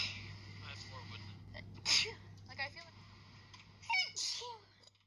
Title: Sneezes Pt.5